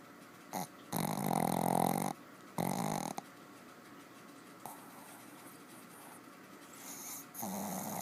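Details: Dog in deep sleep, not waking on two attempts to rouse him, snoring heavily with loud, rough, rattling snores and a few long noisy breaths over several seconds.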